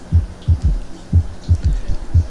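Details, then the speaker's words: Low-pitched three-beat gallop with an extra soft thud in early diastole after S2, from rapid ventricular filling against a hypotonic left ventricle; S3 gallop, heard best with the bell. "golpear de lleno contra una pared hipo tónica se escucha más o menos así"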